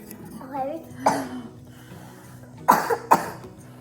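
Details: A few short coughs from a sick toddler at home on the second day of illness, with soft talk nearby while eating noodles; an ordinary cough during a mild illness.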